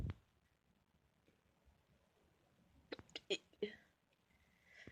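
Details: A person's loud hiccups: a few short, sharp, abrupt voiced gulps close together in a quiet room, startling a pet rabbit.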